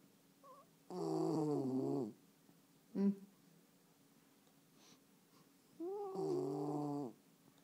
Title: Violet the Westie Snoring